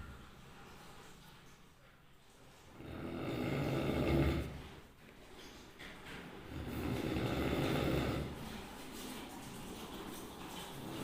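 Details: Sleeping orange cat snoring very loudly: two loud, rough, drawn-out snores a few seconds apart with quieter breathing between.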